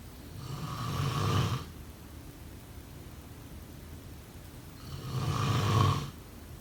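Two loud, rumbling snores on breaths in, about four seconds apart, with quiet pauses between: snoring.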